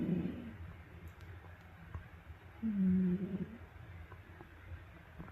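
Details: A sleeping cat gives a soft, low, buzzing snore against quiet room noise, after watching TV with its owner.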